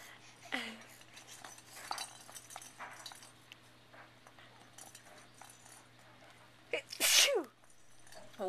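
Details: A single sharp, explosive sneeze from a 3-month-old infant, preceded by soft baby vocal sounds and room noise; the sneeze appears to startle the baby; sneeze.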